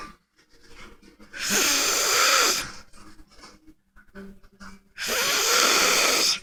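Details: Adult sleeping deeply while their nose is tickled: two loud, harsh rasping snores with quieter snuffling breaths between; heavy snoring.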